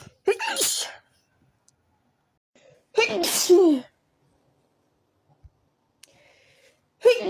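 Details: Three ordinary sneezes from a tickly feeling in the nose, each a sharp drawn-in breath then a burst, the middle one longest.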